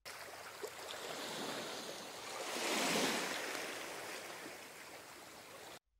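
A soft rushing noise swells and fades like a single breaking wave, then stops with a brief loud click: a hearing-aid ocean wave sound for tinnitus relief.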